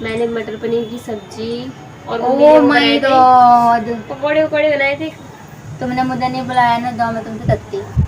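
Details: Feigned lisp acted by a male host as a prank on a friend, imitating baby-talk speech; not a real disorder.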